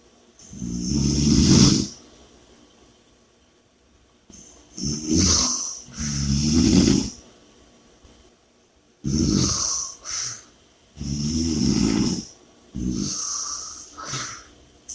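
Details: Heavy snoring during sleep. Loud, rattling snores with noisy breaths in between, roughly 12 a minute and somewhat irregular.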